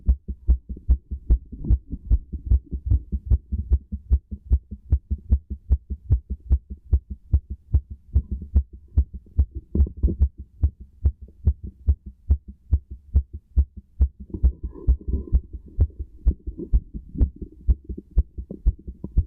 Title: Pleasured heartbeat with stethoscope